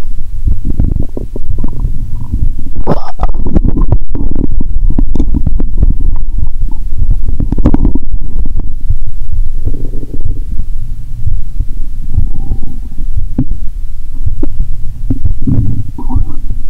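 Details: Stethoscope over the abdomen during a cola-and-Mentos session; watery sounds, stomach audible even near the heart: loud continuous low gurgling and rumbling with bubbly pops; active bowel sounds (borborygmi).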